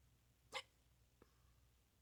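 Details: Person filmed from neck view: a single sharp, abrupt loud hiccup followed by a faint second catch in a quiet room; involuntary hiccup.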